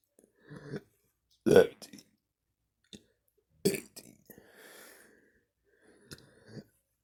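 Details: Two loud voiced belches with softer throaty sounds between, while counting numbers aloud in a quiet room; repeated burping.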